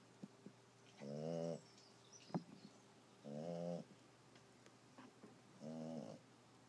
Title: snoring